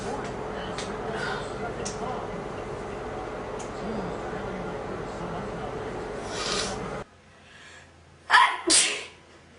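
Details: Male sneezing and nose blowing: steady room noise and a nose blow, then two loud, sharp, explosive sneezes in quick succession.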